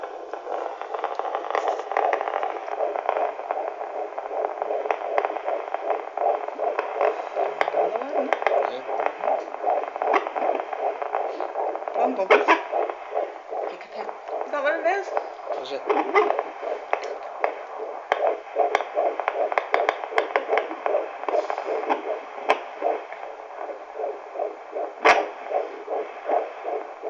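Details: Rapid, steady whooshing fetal heartbeat on a Doppler monitor, broken by occasional louder jolts from fetal hiccups that sound like a duck.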